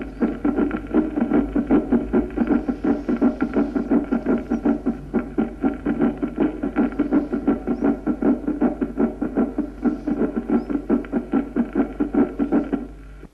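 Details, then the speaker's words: Heart auscultation teaching recordings: mitral opening snap with long interval and slow atrial fibrillation, then short interval with slow AF, then rapid AF with faintly heard protodiastolic gallop; rapid irregular sounds with sharp snapping clicks after the second sound. "vamos a oír ahora un chasquido de apertura con intervalo grande y y fibrilación auricular lenta en segundo término un chasquido de apertura con intervalo breve y fibrilación auricular lenta y por fin un chasquido con fibrilación rápida y galope protodiastólico que no se percibe bien"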